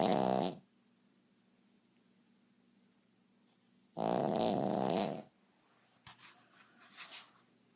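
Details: Snoring: two loud, rough, buzzing inward breaths separated by quiet, then faint snuffles.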